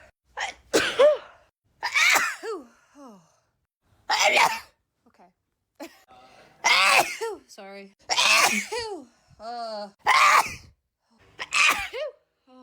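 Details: Back-to-back sneezing: about seven sneezes in quick succession, each a sharp burst of air followed by a voiced falling 'choo'.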